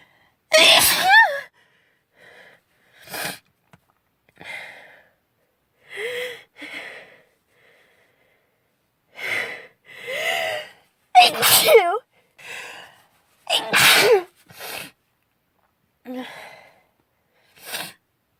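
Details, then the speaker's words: Girl's sneezing fit from a persistent nasal tickle: a run of sharp sneezes, some with a voiced squeak, separated by short catches of breath. "I'm going try to sneeze the tickle. It can't go away."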